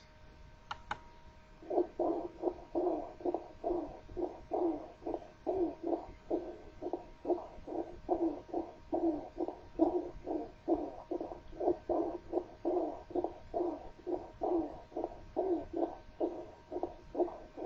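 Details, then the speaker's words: Rhonchi from large airways, as in tracheitis or bronchitis: rapid, evenly repeated low-pitched, rumbling, snore-like expiratory bursts over a faint steady hum. "puede modificarse también con la tos es parte del síndrome de obstrucción de vía aérea inferior pero de los tubos de mayor calibre por lo tanto lo encontraremos en traqueítis bronquitis y traqueobronquitis"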